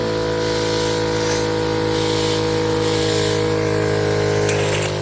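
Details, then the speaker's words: Suction machine running during nasal suctioning of an infant triplet, much mucus removed, then water suctioned to clear the tubing: steady motor hum with a strong tone and airy hiss. "There is so much snot coming out. It's disgusting. I know. I'm sorry. Okay. All done. I'm sorry. Okay, and then I just suctioned up some water to clear out his suction."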